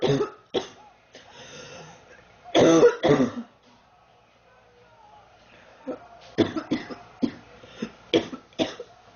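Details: Girl sick for three weeks, feeling hot and unwell; repeated harsh coughs and throat clearing in clusters, about a dozen bursts, with quiet breaths between them.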